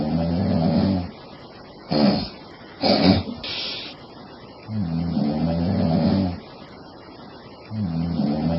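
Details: Low, rough snores on the in-breath, about 20 a minute, with a few short sounds between, from a sleeping woman.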